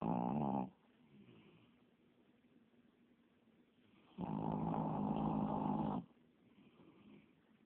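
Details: Sleeping puppy-mill rescue dog snoring: loud rattling snore on the breath in, two snores with a quiet pause between them.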